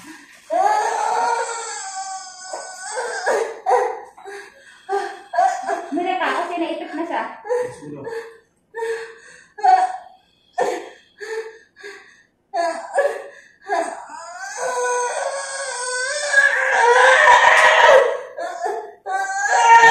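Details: Newborn baby girl's loud, rhythmic, vigorous crying in bursts just after birth, with adult voices, clapping and laughter in a small room.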